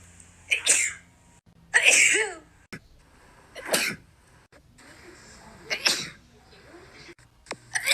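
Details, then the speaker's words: Female with a nasal feeding tube sneezing uncontrollably while re-taping the tube: about six sharp sneezes in quick succession over eight seconds, with short gasps between; repeated sneezing. "i was trying to film a video of me re-taping my tube and i couldn't stop sneezing"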